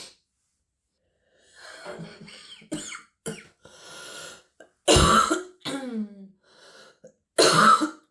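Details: Girl with a terrible stuffy, wheezy cold: several harsh, deep barking coughs and throat clears with breathy sounds between; barking cough.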